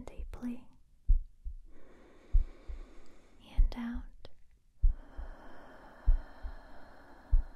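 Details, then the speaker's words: Soft, regular heartbeat thumps at about 48 a minute under whispering and rustling, heard with the examiner close to the chest during a role-played (simulated) yearly check-up, heart judged fine: normal heart sounds. "Good. Everything is looking fine. I'm just going to go to your backside and do the same thing. Okay. Heart is doing wonderful. No problems there."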